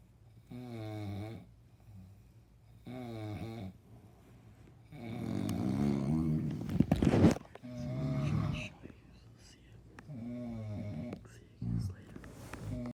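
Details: Repeated loud, low rattling snores every few seconds with a harsher snort midway, from two adult men; heavy snoring.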